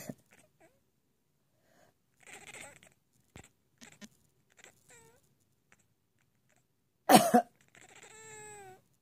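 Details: An elderly woman (grandmother) coughing while being told to stop coughing.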